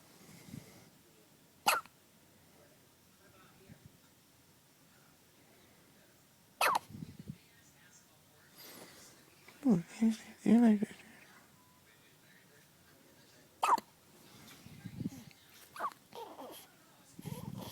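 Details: One-day-old baby boy with hiccups: brief sharp hiccups every few seconds with soft infant noises and quiet adult voices; mother's soda/carbonation jokingly blamed; common, harmless newborn hiccups.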